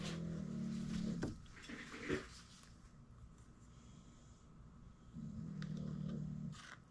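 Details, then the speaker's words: Pet dog sleeping and snoring behind the speaker: two long, low, rattling snores about four seconds apart, with faint clicks and quiet room noise between them. "I'm sure y'all can hear Snorbox in the background. That would be my dog for the new folks that are in here that don't know what the hell that noise is. He's always behind me snoring."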